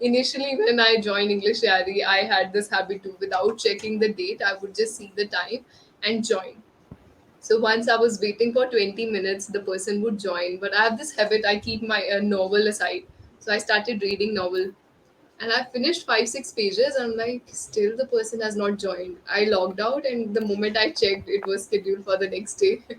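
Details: Adult woman speaking; normal fluent speech.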